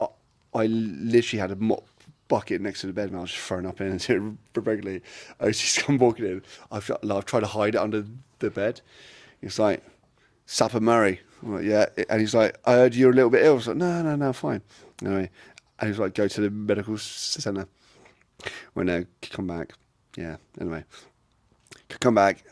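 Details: Adult man with a lifelong stutter; a speech therapist linked it to brain-to-mouth-muscle signalling, breathing and speech timing: stuttering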